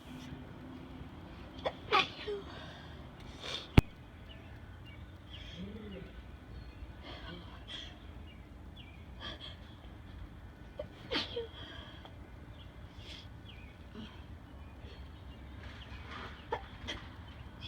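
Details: Person sneezing after a gym workout, sitting outside at night, unable to stop: a sharp sneeze burst near the start, then quieter breathy bursts against steady outdoor noise.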